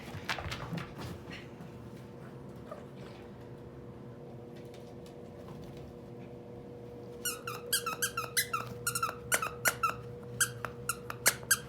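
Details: A snotty dog in week 3 of treatment, with energy better and nasal discharge slightly better, makes a rapid run of squeaky, snorting gasps: congested, obstructed nasal breathing.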